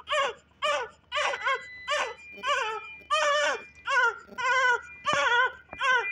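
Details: Newborn baby girl crying just after birth in hospital: strong, rhythmic cry, about ten clear wails with breaths between, in a quiet room.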